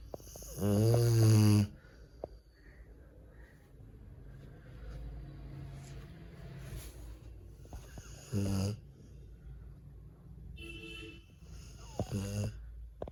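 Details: Sleeping Rottweiler snoring: loud, low, rumbling snorts at irregular intervals with quiet breathing between; snoring.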